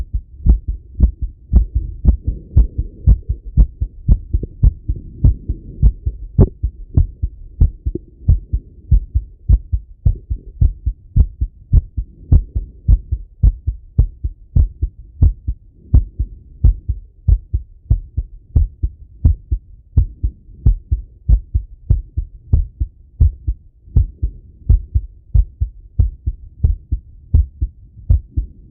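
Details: Adult male listening to his own heart by stethoscope after a workout set: fast, strong, regular heartbeat of about 115 a minute, normal heart sounds with exercise-raised rate.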